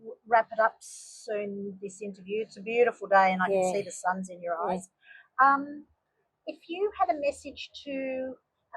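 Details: Adult woman, interviewer; Ordinary speech.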